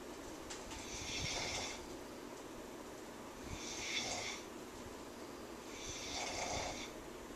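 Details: Someone snoring very loudly: three loud, rasping snores, one on each breath in, about 24 a minute, over a steady room hum. Snoring.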